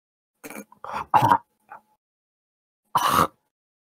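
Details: Newborn choking on sea bream (çipura): short harsh retching bursts and throat-clearing grunts separated by silence, gagging.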